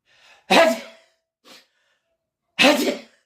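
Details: Person with a cold, with fever and headache also tagged, gives two loud explosive sneezes, each after a short in-breath, with a small sniff between them; repeated sneezing.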